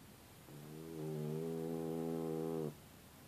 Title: Tess the Incredible Snoring Dog